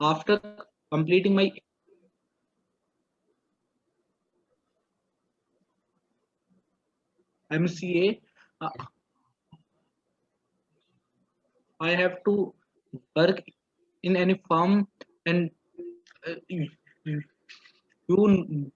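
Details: Adult man who has stammered since childhood (3rd or 4th standard), speaking English. Stuttering.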